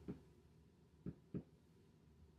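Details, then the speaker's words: Posterior chest percussion across seven areas with a reflex hammer or fingers, sounding similar on both sides: normal resonant percussion note. "mer, I'm going to tap. Should sound similar on both sides."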